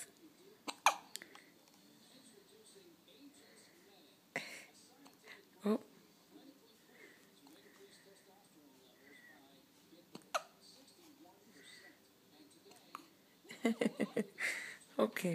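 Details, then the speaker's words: Two-week-old baby with hiccups: sharp, brief catching sounds recur every second or two against quiet room noise, with a burst of several near the end. "They have the hiccups. They have the hiccups."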